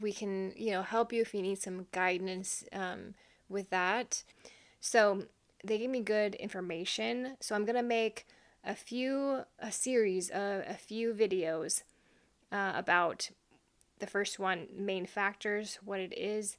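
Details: Adult woman brain injury recovery coach with long-standing aphasia, describing difficulty with fluency, word-finding, repetition and pronunciation; aphasia.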